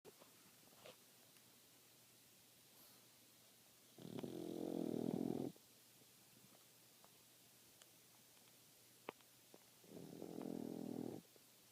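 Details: Pug snoring while asleep and dreaming: two rough, low snoring breaths about six seconds apart in a quiet room, with faint small sounds between.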